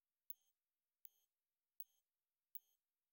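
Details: Tinnitus tone-matching test: pulsed sine-wave tones from 1 to 16 kHz in 1000 Hz intervals, short, high, bright electronic beeps repeating evenly.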